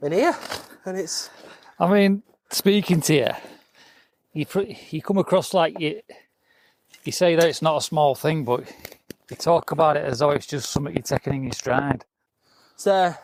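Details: Adult speaker; typical speech.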